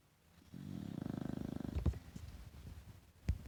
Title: Stinky snoring